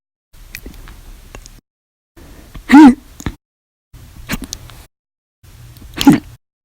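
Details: Four abrupt, brief gulping hiccups, two loud and forceful and two fainter, separated by short pauses; from daily hiccup bouts lasting 4 to 14 hours after meals and soda.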